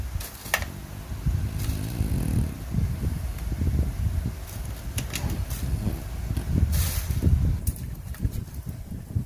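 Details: Snoring from a sleeping child while a parent trims the child's nails.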